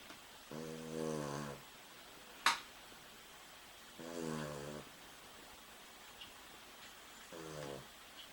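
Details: Sleeping dog: three slow, rumbling, buzzy snores about three seconds apart in a quiet room, with one sharp click between them; snoring.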